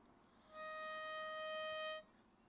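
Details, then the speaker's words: Doctor demonstrating pressurized metered-dose inhaler with spacer: steady high-pitched whistle of about 1.5 seconds, the spacer whistling because inhalation is too fast; the breath in should be slowed. "if you're breathing in too hard this will start whistling and you need to really slow down your inspiratory rate so here's an example of what that whistle sounds like"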